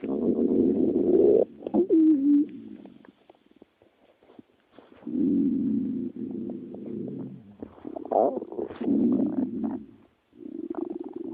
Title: stomach growling